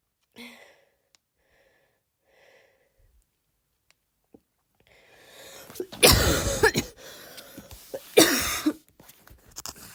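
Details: Attempt to imitate a barking cough: quiet breathing noises, then two forceful, harsh voluntary coughs without a clear barking tone.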